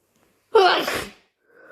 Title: Super messy sneeze plus blow